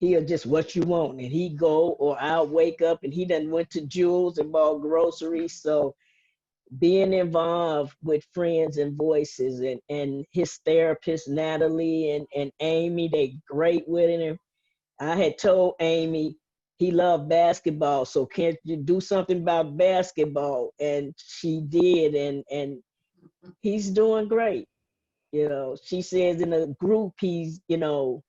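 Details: Adult woman speaking; typical speech.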